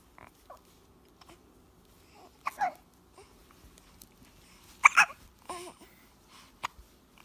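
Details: Hiccups: several brief, abrupt hiccup-like catches between soft babbling vocal sounds in a quiet room.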